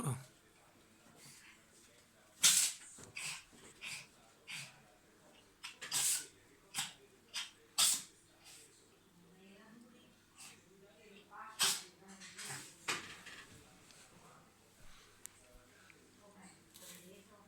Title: Funny cat sneezing 🤧